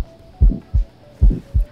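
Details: Harvey simulator: heartbeat about 75 a minute, S1 and S2 with a rough systolic murmur after S1 from aortic stenosis obstruction.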